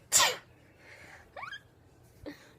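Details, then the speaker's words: Acted, deliberately small sneeze: a single short, sharp burst of breath followed by quiet vocal sounds; simulated sneeze. "no we're doing um types of sneezes and number one is sneezes in front of like your crush like in front of bullets okay you first"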